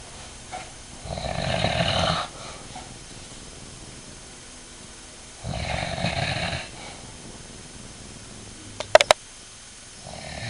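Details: Ordinary sleep snoring from an adult man, the father: two loud, rough snores on breathing in, about four seconds apart, with quiet gaps between them.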